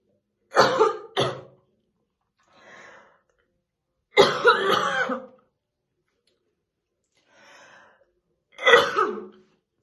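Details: Woman's real, unacted smoker's morning cough while slowly brushing her hair: heavy, deep, harsh coughs in three bouts, about six in all, with soft breaths between; smoker's cough.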